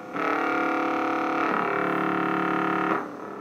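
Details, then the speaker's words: EMG in a French bulldog puppy that has stopped playing: loud, continuous buzzing from the speaker with muscle at rest instead of silence. Abnormal spontaneous EMG activity suggests a serious muscle problem. "a normal muscle should just at rest be silent we should have a nice full outline but instead we're seeing a lot of kind of up and down and you hear that really loud kind of air replaying sound"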